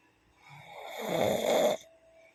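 A single rising, rattling snore on an in-breath, ending abruptly, with faint background hum: snoring.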